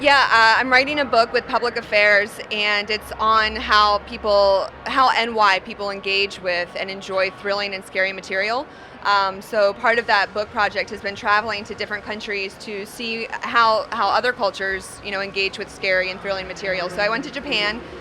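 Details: Adult speaker, interview; normal conversational speech.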